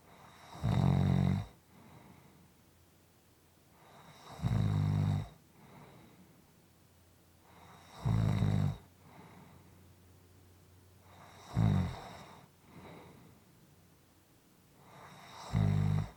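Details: Soft, regular low snores about every 3.7 seconds, roughly 16 a minute, each with a faint exhale in between; quiet snoring.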